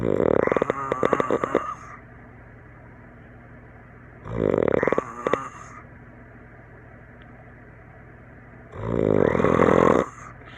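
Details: Adult snoring during sleep after a campfire and some drinks, filmed by a friend and likened to a tree frog or alien: about three loud, rattling in-breath snores over ten seconds with quiet pauses; heavy snoring.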